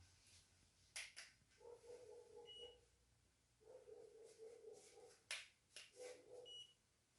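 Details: Digital thermometer taking a female patient's temperature after lung auscultation, reading 36.7 °C, normal: short high electronic beeps and button clicks.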